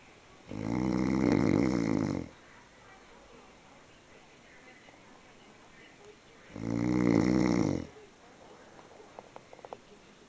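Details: Ordinary snoring: two loud, rough, buzzing snores on inhalation about six seconds apart, with quiet breathing between.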